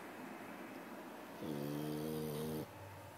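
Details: Dog that snores a lot: a single drawn-out, buzzing, tonal snore lasting about a second over steady room noise.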